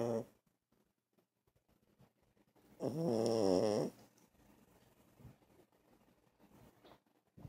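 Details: Six-year-old blind rescue Chihuahua snoring on a couch: one loud, fluttering snore of about a second, with soft breathing and quiet rustling around it; ordinary, harmless snoring.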